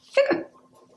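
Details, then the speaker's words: Imitated hiccup by a storyteller reading a children's book aloud, voicing the elephant's hiccups: one abrupt voiced gulp with a quick fall. "It was nap time. All the animals were fast asleep, except for Elephant. He had hiccups."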